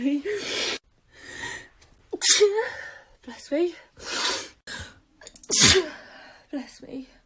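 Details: Compilation of sneezes from different people in short social-media clips: several sharp, explosive sneezes, some preceded by a quick in-breath or a short voiced 'ah', with speakers saying 'bless me' between them.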